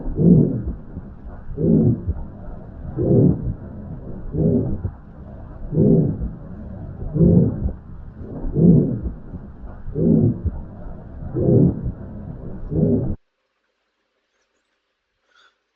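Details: Aortic stenosis murmur.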